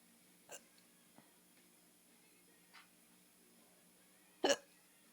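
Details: Hiccups from a person described as drunk: sharp, brief catch-like sounds in a quiet room, the last one loudest.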